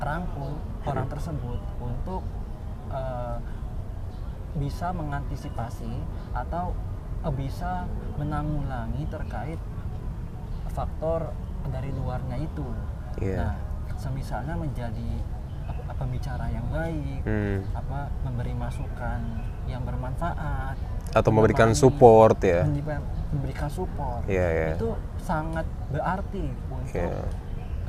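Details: Adult man, newly graduated doctor from Aceh, who has stuttered since childhood, speaking Indonesian; stuttering.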